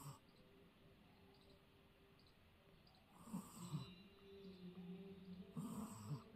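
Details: Sleeping Shih Tzu puppy snoring: two rattling, snorting snores on the in-breath over a quiet room.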